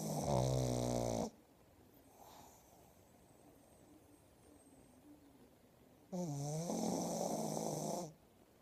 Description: My pug snoring loudly